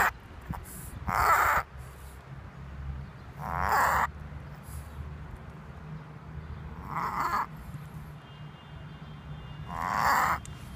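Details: A Tibetan Spaniel makes repeated harsh, honking inspiratory snorts that the owner calls an asthma attack. This is typical of reverse sneezing.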